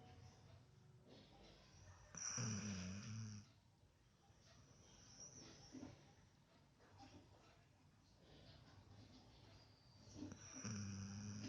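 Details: Snoring after a walk, heard as low, rumbling, buzzy breaths recurring over steady room noise.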